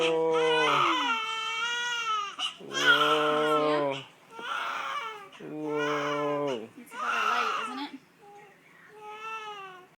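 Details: Undressed baby, sat up for burping before feeds, gives repeated bursts of crying, about five wails with short pauses between; an ordinary distressed infant cry.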